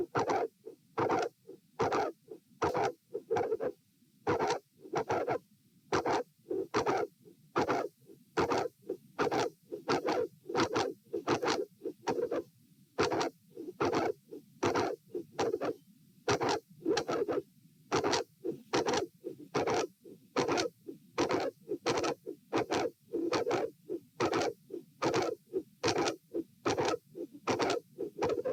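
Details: Heart sounds recorded at position A during an auscultation stress test (lying, sitting, standing) in dilated aortic root: very loud mid/late systolic sound with murmur at S2; aortic vascular click.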